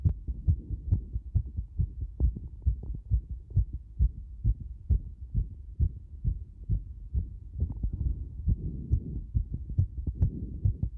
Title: ものすごく早くなる心臓の音